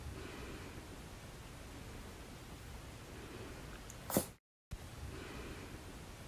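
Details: A rabbit gives one tiny, sharp sneeze near the end, over steady low room noise.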